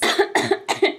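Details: Three quick, harsh coughs in a rapid burst in an adult woman with asthma flaring during IVF medication (Lupron).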